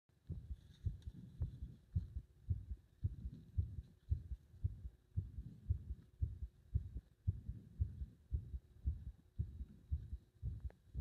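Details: Regular muffled heartbeats at about 110 a minute; no clear slowing or pause heard in this stretch.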